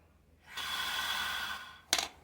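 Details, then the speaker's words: One long, steady airy breath in lasting over a second, then a brief sharp noise: a demonstrated deep inhalation through an incentive spirometer, one of five to six repetitions, in a nursing-class demonstration. "Air को inhale करो। यानी कि जैसे लेते हो ना यहां पे दिखा रहा हूं। यानी कि ऐसे एयर को जैसे एक हो गया।"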